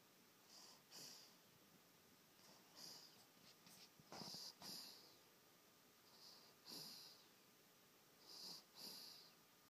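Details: Soft, hissy whistling breaths recur about every two seconds in a quiet room: a light, whistling snore.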